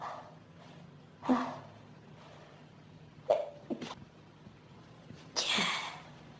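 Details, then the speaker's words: Adult with pollen and dust allergies since about age 14, triggered by room dust: three sharp sneeze bursts, the middle a quick double, with quiet breathing between, repeated sneezing within a prolonged allergic sneezing fit. "Oh, God, that felt so... That was some sneezing fit. So intense."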